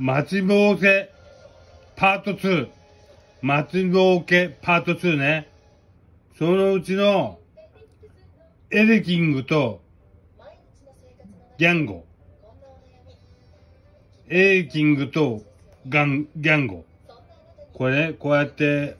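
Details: Aphasia with hemiplegia following a cerebral hemorrhage; aphasia.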